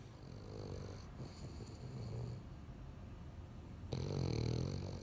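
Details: Low, rumbling, rattling snores from two sleeping dogs overlapping in an uneven rhythm, one growing louder near the end; dog snoring.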